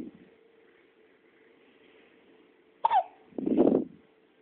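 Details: A quiet room broken by a sharp, abrupt hic followed by a short voiced catch: a hiccup.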